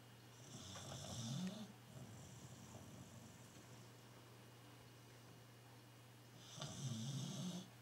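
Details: Snoring from a sleeping diabetic, blind Tibetan Terrier: two snoring breaths with a low rattle and soft hiss, several seconds apart, over a steady low room hum.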